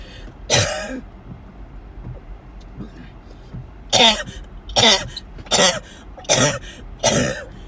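Six harsh coughs, one alone and then five in a quick run, over steady road noise: a coughing fit.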